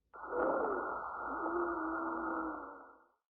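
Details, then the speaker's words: Simulated lung sounds from an auscultation trainer manikin: a breath sound with a continuous high musical tone, heard over the upper anterior chest. Wheeze. "i can hear the wheezing up here and it's nice because you can actually see the regions where the students are listening so i definitely heard the wheezing up in this area"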